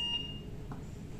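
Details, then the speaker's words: Transport ventilator being switched off with its power button: a brief high electronic beep, then only low room hum. "cihazınızı kapatmak isterseniz de yine buradan basarak kapatabilirsiniz"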